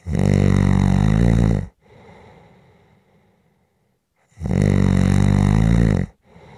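Loud, rough snores on long in-breaths, with quiet breathing out between them, about two snore cycles in the clip.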